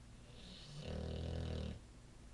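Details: Olde English bulldogge snoring while lying on his favorite couch, recorded on an iPhone: a single long, low, rumbling snore on an in-breath lasting about a second, with quiet room noise.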